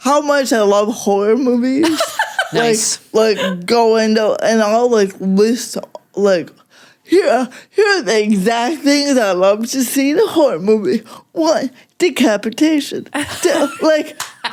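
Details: Adult woman with cerebral palsy affecting mostly speech, also fine motor skills and slightly walking, no mobility aid; talking is harder for her: dysarthria (cerebral palsy).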